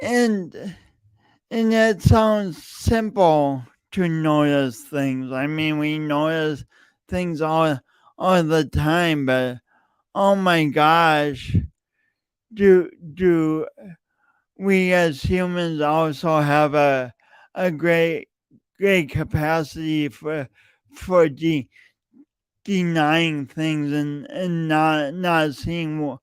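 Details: Adult male podcast host with a long-standing speech impediment he denied for years, present every time he speaks; speech impediment with word repetitions.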